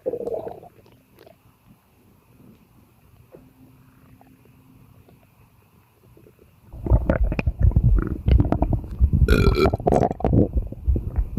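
Quiet stretch, then loud, low, rumbling gurgles and belches in quick succession; burping from a bloated, gassy stomach.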